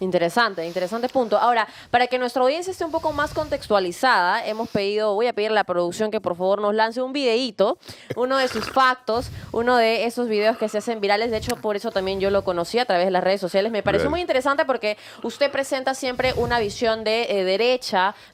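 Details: Adult speaker, TV host; normal speech.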